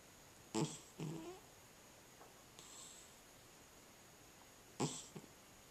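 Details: A sleeping cat snoring lightly: a few short, soft snorting breaths over a quiet room hiss.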